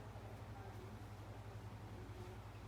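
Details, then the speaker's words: Nursing procedure with nebulizer medication given by mouthpiece to a female patient to thin her phlegm so she can clear it and breathe without breathlessness; a steady low motor hum with a constant hiss; nebulizer running. "Nanti kita pasangkan ke mulut Ibu ini gunanya untuk mengencerkan dahak Ibu agar kalau misalnya udah habis nanti coba bisa mengeluarkan dahak dan kembali bernapas dengan tidak sesak kembali ya Bu ya"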